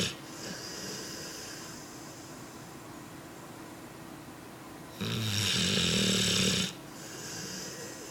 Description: my 10 month old American bandogge Bosko snoring .